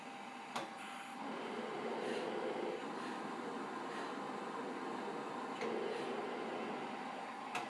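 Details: A person using a cough assist device for a study: steady machine rushing in long cycles, with clicks at each switch between push and pull; mechanical insufflation-exsufflation.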